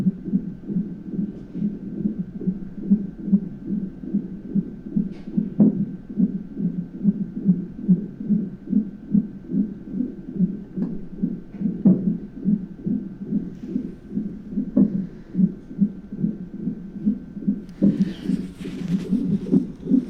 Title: monitoring the baby, if you listen, he has hiccups and you can hear it... trippy.